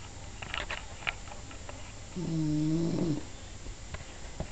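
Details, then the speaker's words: English bulldog snoring while awake: one drawn-out, tonal rattling snore on inhalation over faint shuffling. "you're awake while you snoring like the Predator"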